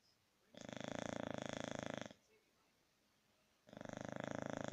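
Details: A sleeping English Bulldog gives loud, rattling, fluttery snores, each about a second and a half long, separated by quiet pauses.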